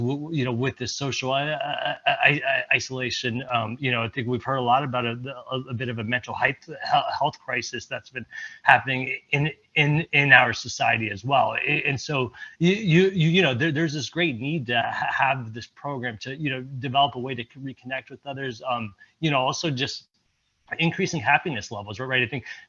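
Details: Presenter at a stuttering-community event, speaking with repetitions. Finding: stuttering.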